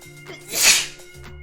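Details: One forceful, hissing sneeze burst over faint background music: a single sneeze.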